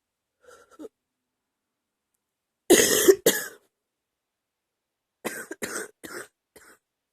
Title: #39 a lil chesty cough